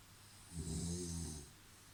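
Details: Snoring: a single low, rumbling snore lasting about a second, with soft hiss in the background.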